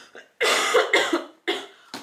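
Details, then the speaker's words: Woman who says she cannot stop coughing while talking: three harsh, forceful coughs in quick succession. "Combien de pages il fait pardon, excusez-moi, oui, j'arrive pas à m'arrêter de tousser, écoutez."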